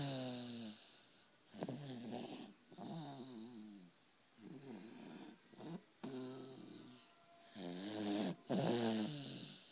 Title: something about a him snoring is funny...